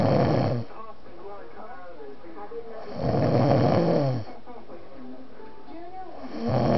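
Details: Loud, deep, rumbling snores about every three seconds (roughly 18 a minute), with quieter breathing between them; an epic snoring episode.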